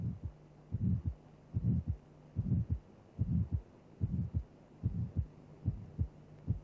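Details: Teaching recording, simulated heartbeat near 73 a minute: aortic stenosis ejection systolic murmur in time with the pulse, triangular crescendo-decrescendo envelope, then a distinct second heart sound.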